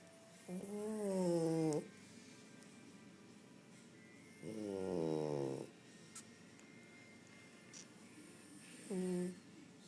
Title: Fat cat snoring